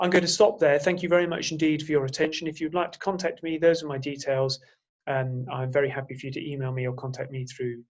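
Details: Adult male speaker; normal voice.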